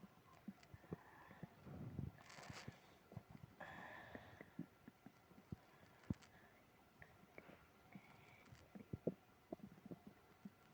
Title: tummy trouble after eating ice cream (stomach growling, moaning)